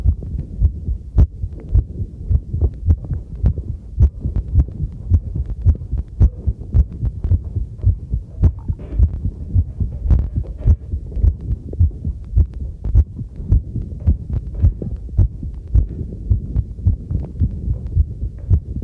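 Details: Own normal heartbeat recorded with a homemade field stethoscope microphone during housework: steady low thumps about 100 per minute, with clinking tableware and running tap water behind.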